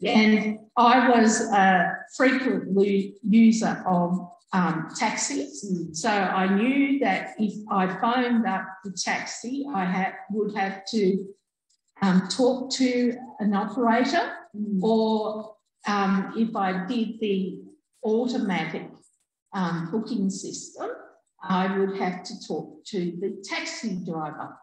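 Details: Adult woman with aphasia after a stroke in August 2020, who could only say "um" at onset; she still has word-finding difficulty and has to process words first, with a delay in saying them; finding: aphasia after stroke (word-finding difficulty).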